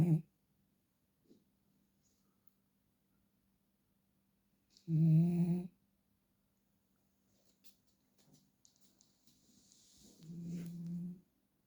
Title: short huckleberry's snoring